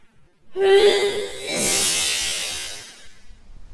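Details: Woman with hay fever sneezing intensely while doing office tasks: one forceful sneeze, a rising voiced 'ah' then a loud, noisy expulsive burst; sneeze.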